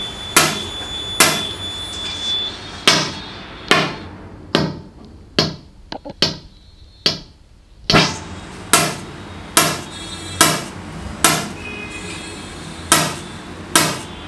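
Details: Sharp loud cracks about once a second, with a brief run of softer clicks, from an extracorporeal shock wave lithotripsy machine firing pulses during kidney stone treatment.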